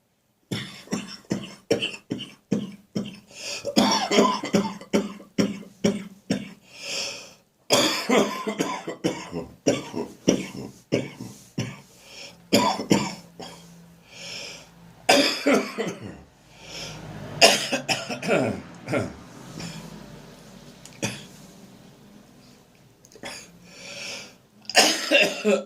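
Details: Adult with winter cold: repeated harsh, sometimes painful, throaty coughing fits that often cause gagging, in the morning, quiet gaps between bouts, traffic noise behind; harsh cough.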